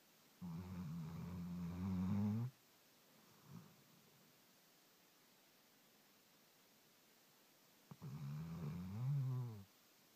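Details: Snoring during sleep: two deep, rumbling snores on breathing in, separated by a long quiet pause.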